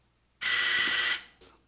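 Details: A surgical power driver runs in one high-whine burst of under a second, driving an olive wire (or K wire) to temporarily fix a posterior fibula plate on an ankle fracture.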